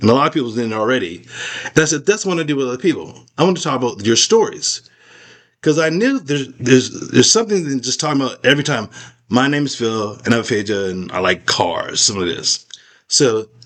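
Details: Adult man with aphasia after a stroke, still unable to talk as clearly as before the stroke: aphasia.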